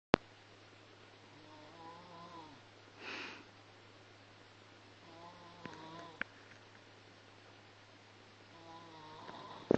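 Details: Soft, faint nasal snoring with quiet whistling breaths over low room hum from a sleeping pet cat; harmless snoring.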